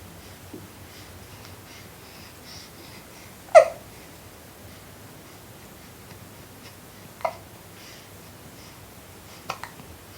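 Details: Four-week-old baby boy breastfeeding, with sucking and gurgling noises: three or four sharp, brief hiccups a few seconds apart.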